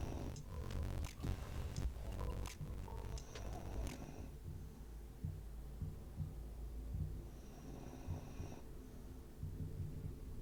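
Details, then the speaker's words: A sleeping dog's snoring picked up in the background by a live-stream microphone. "Oh my god, do you guys hear the dog snoring? I'm gonna try and move the microphone."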